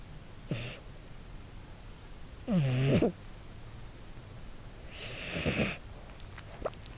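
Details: Male American Shorthair cat, red tabby, born 2013, sleeping, recorded with a lavalier mic: three brief snoring breaths, one louder and buzzing, others softer and airy; snoring or sleep breathing.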